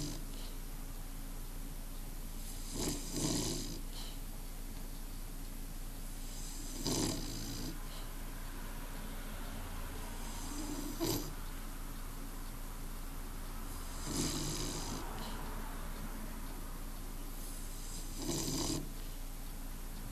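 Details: Bulldog sleeping in the sun, snoring: rough, rattling snores about every four seconds, roughly 14 breaths a minute, over steady room hum.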